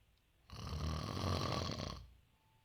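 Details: A single loud, harsh, vibrating snore lasting about one and a half seconds during sleep: ordinary snoring.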